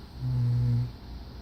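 One deep, droning snore lasting under a second; snoring during sleep.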